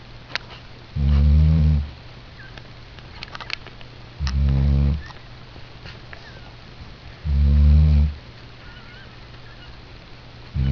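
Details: Loud snoring while exhausted after a P.A.T. visit: loud, low, rattling snores about every three seconds, near 19 breaths a minute, with a steady hum behind them.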